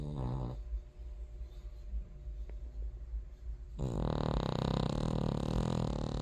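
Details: King Charles Terrier snoring: low, rough, rumbling breaths with a louder buzzing stretch near the end; snoring.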